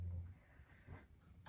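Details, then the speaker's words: Pet sleeping under a table: a brief, low, rumbling snort, then quiet room noise with a faint rustle; soft snoring in the background. "If you can hear snoring in the background, it's Maisie."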